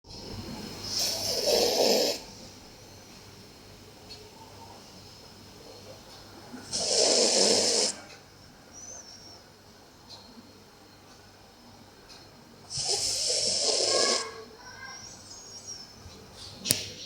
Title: Sleeping dog snoring...